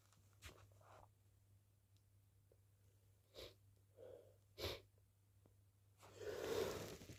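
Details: A few short wet sneezes with sniffs and a false start between, then a longer final sneeze, over a quiet room hum; itchy sneezing, possibly hay fever (uncertain).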